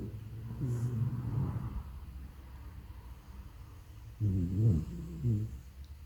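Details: Snoring from a sleeping French Bulldog: low, rumbling, rattling breaths with a few louder snorting snores.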